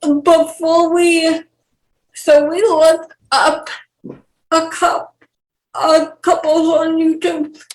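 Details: 28-year-old woman with cerebral palsy who has dysarthria.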